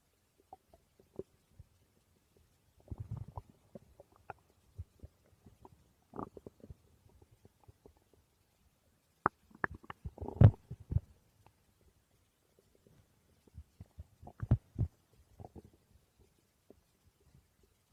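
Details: The uploader's own stomach growling: quiet, irregular gurgles and bubbling rumbles in bursts with silent gaps; ordinary borborygmi.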